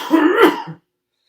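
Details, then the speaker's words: COPD coughing-technique teaching demonstration: one imitated hard, harsh, forceful cough with a throaty rasp, shown as the energy-draining cough to replace with huffing. "a cough like that is going to take a lot of energy."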